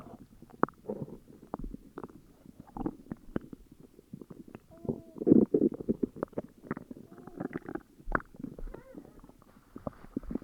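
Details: Upset stomach growling: irregular gurgling and rumbling with brief squeaky tones, typical borborygmi.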